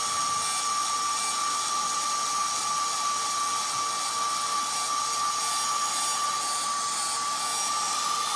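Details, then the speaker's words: Steady high-pitched whine with no drop in pitch: a rotational atherectomy burr spinning freely at constant speed with no RPM drop, passing easily, during a live endovascular case. "sounds like it's going very easy out here in the RPM drop"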